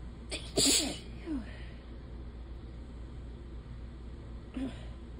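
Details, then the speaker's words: Adult with allergies, runny nose and sore, hoarse throat sneezing: one sharp explosive sneeze after a brief lead-in breath, then a softer second sneeze after a pause. "oh I just pissed off my cat and I I have to I have to I'm just sneezing"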